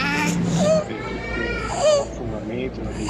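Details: Child: high-pitched, musical noisy breathing, stridor from upper airway narrowing.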